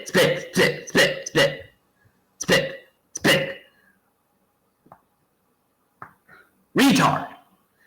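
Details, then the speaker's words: Person with severe Tourette syndrome, speaking to camera, gives bursts of abrupt, repeated vocal sounds in quick runs with pauses, including "spit spit"; vocal tics. "anyways, as you can see here, I have severe Tourette's syndrome and I just want to say he is wrong."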